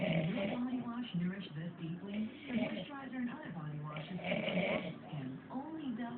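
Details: Super loud snoring: rough, rattling snores one after another with little pause between them.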